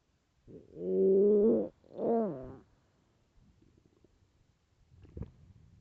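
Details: Loud stomach growling from hunger: two loud, drawn-out groaning growls, then faint gurgles; borborygmi.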